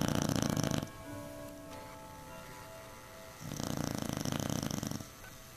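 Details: Beagle snoring so loudly on a couch that it vibrates; loud, buzzing, rattly snores on breathing in, long breaths with quiet pauses, soft music behind; heavy snoring while asleep.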